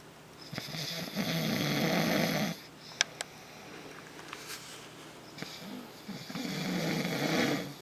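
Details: Harsh, rumbling snores from a sleeping man who denies snoring, reportedly ongoing for 8 years, with a quieter pause and a few soft clicks between two long snores.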